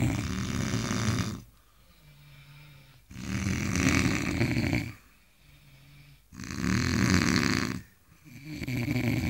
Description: Three Engineers are taking nap after a very tiresome day and snoring at the best.....